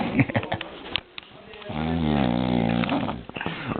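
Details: A single long, deep, buzzing snore between rustling noises, recorded at a farm; ordinary snoring in sleep.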